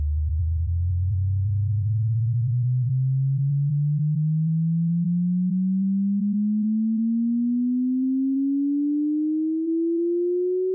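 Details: Hearing test tone sweep for an age-based ear test: a steady pure tone gliding slowly upward from a low hum to a higher pitch.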